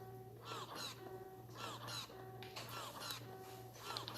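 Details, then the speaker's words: Willow cordless wearable breast pump with a smaller non-standard flange, running held against the hand rather than on the breast: repeating suction cycles about one per second, rising whirring squeak over low motor hum, no error triggered. "once I turn it on it's like push a play I can only do it against my hand right now but you can hear those sounds and"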